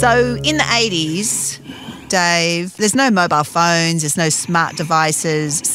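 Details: Adult woman speaking (interviewer); Normal speech.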